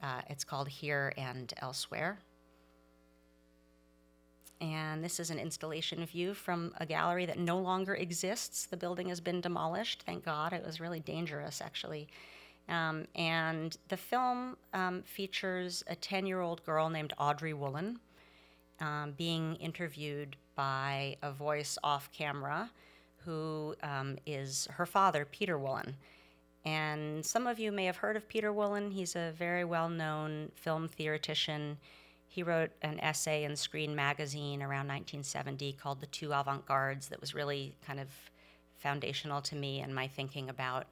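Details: Adult woman speaking; normal speech.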